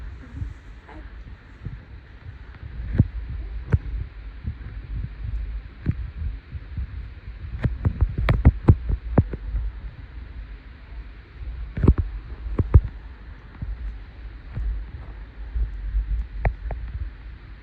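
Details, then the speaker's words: Normal heart sounds at the mitral valve (apical pulse) during a physical assessment, auscultated with stethoscope: muffled low S1 and S2 thumps under steady rumble and handling clicks. "Okay. S1 and S2 are no mess present."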